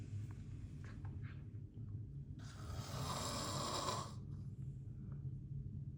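One loud, harsh, rattling breath over a low steady room hum: a snore during sleep.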